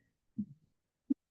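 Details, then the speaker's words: A woman imitates a bulldog's reverse sneeze: a brief low, rough snorting grunt, then a short click, sounding like choking but only a reverse sneeze. "anyone who has a bulldog knows that they do a thing called a reverse sneeze. I'm going to do the sound for you. You might have heard it, but they go like this,"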